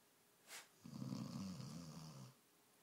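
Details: A sleeping dog snoring: one long, low, rattling snore on the in-breath, after a short puff of air.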